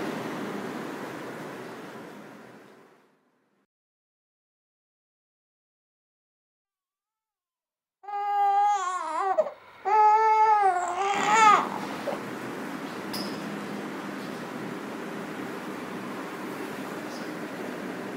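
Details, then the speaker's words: A newborn in a maternity unit corridor gives a few short, rising wails under the steady hum of an air-conditioning vent, crying whenever he is carried away from the vent. "But the moment I try and take him away from his favourite air conditioning duct, he'll start to cry."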